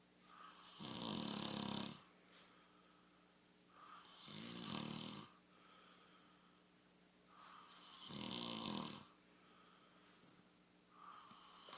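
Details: Man sleeping and snoring: three loud, rough snoring breaths in about twelve seconds, each with a low rattle and a hissing edge, separated by quieter exhalations.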